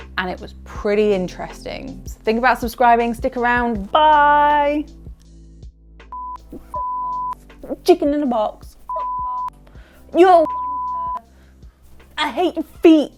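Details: Woman with adult-onset Tourette syndrome, onset at age 28 in 2016 and diagnosed in 2018; her tics come in waves, and sudden phrase tics, including an insult, occur while she signs off; vocal tics (Tourette syndrome).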